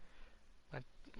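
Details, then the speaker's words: Dog sleeping on owner's bed, snoring: a short, low, rough snort against faint room hum, then a softer second one. "i don't know if you can hear a snoring coming through this microphone but if you can it's"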